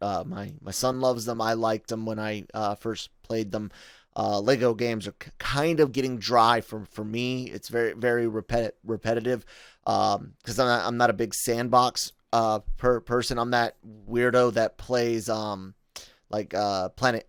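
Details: Adult male podcast host with a self-reported stutter, speaking spontaneously; stuttering.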